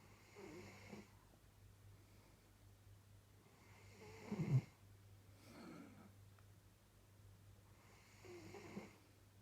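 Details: Newly adopted dog asleep on a couch: soft, low rumbling snores on each breath, about three in nine seconds, with a steady background hum; snoring.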